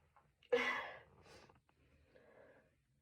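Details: A short indrawn breath, then one sudden explosive burst trailing into a breathy exhale; a single long-awaited sneeze in someone who was either sick this week or had allergies.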